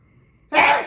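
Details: Adult man, a father, sneezing, possibly prompted by suggestion: after near silence, one short forceful burst of air with a voiced edge; a single sneeze.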